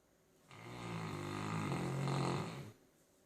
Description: Our St Bernard snoring after a rough day of knocking over the Christmas tree